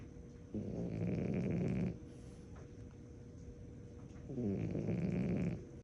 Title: The Loudest Frenchie Snoring Ever 😂 #frenchbulldog #funnydogs #frenchie #dogmom #dogshort